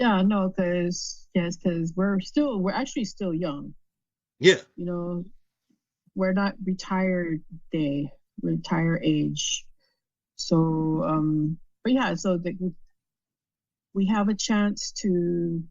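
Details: Adult female stroke survivor with post-stroke aphasia and word-finding difficulties, doing speech practice in her recovery. Finding: aphasia.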